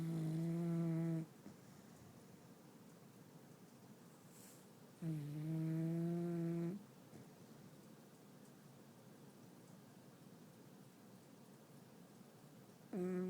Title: snoring